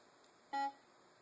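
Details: One short electronic tone in a quiet room: a Servo-i ventilator alert beep during its pre-use self-check, after a message that one or more batteries need replacement.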